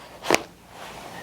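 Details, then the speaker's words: Chiropractic neck adjustment on a female patient, head rotated toward practitioner: a single sharp pop as joint range of motion is restored, joint cavitation (gas bubble release). "And that's the pop or the click right there. And what that does, is once we restore that range of motion that joint, you've got that cavitation, the release of that gas bubble, and that was the pop or the click."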